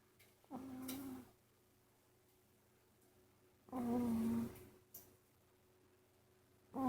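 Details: Sleeping cat, not sick and seen regularly by a vet, with structural nose issues: soft, buzzing snores on each breath, about three seconds apart, with quiet pauses between; snoring.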